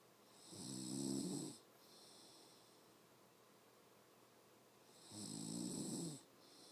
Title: Snoring mommy